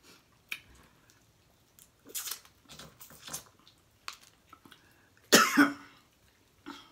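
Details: Woman eating blue crabs with chewing and lip-smacking, then one sharp cough and a short throat-clearing burst as food caught in her throat.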